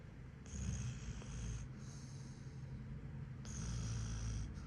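Low, rumbling snores with a faint whistle on the breaths, in two long cycles; snoring in a sleeping puppy.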